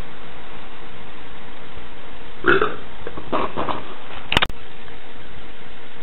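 A couple of low, rumbling burps over steady background hiss, ending with a brief click.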